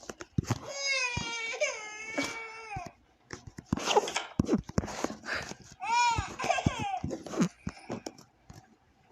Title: #the#baby#in#yellow#crying#sound#effect